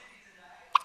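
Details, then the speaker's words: A cat's hiccups: near-silence, then one abrupt, short squeak-like hic. "hi Katie have you got the hiccups yes you do have the hiccups hi beautiful girl how you doing those pesty hiccups oh dear"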